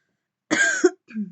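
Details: Woman vaping with deep puffs: a single harsh cough burst then brief throat-clearing; irritant cough from inhaled vapor during repeated coughing fits.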